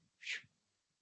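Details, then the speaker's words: A single breathy whoosh, a physician's vocal imitation of pulsatile tinnitus in fibromuscular dysplasia: the swooshing heard in the ear from turbulent, fast carotid flow passing the ear. "So pulsatile tinnitus, for those who may not know what that means, that's just that swooshing sound you can hear in your ear."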